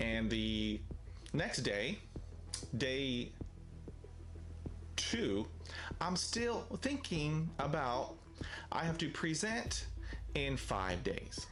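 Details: Stuttering in an adult man with daily fluency struggles who uses a self-help book to cope; word repetitions are present.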